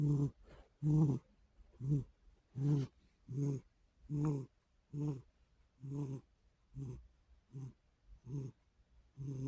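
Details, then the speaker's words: Cat deeply asleep in the afternoon after playing all night, snoring in a quiet room: soft, regular rattling snores with each breath. "This is proof the cats snore."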